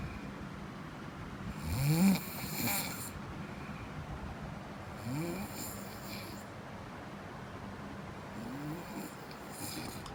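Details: Ordinary snoring: three rough, rattling snores on the in-breath, about every three and a half seconds, over steady room hiss.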